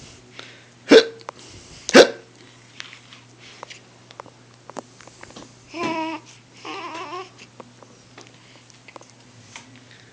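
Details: Baby with hiccups: two sharp hiccups about a second apart, followed by brief babbling and vocal sounds.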